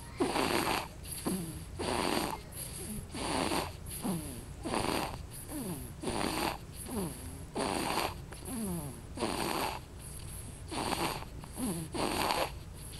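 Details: Baby snoring loudly during a nap: fast, rattling snores on both in- and out-breaths, about 40 a minute, with snorting tones.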